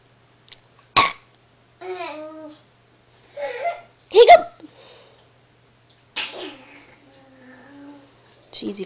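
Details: Young child babbling, recorded on an Android phone, broken by about three sudden, sharp gulping catches in the breath: hiccups.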